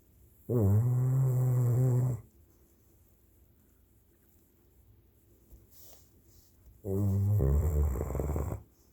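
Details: Sleeping dog snoring during a nap: long, deep, buzzing snores on each breath in, about six seconds apart, with quiet breathing between.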